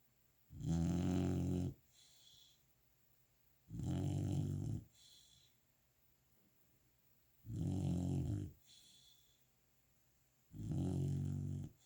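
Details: A golden retriever puppy snoring after a day of play: loud, rumbling snores on each breath in, about four in twelve seconds, each followed by a soft breath out.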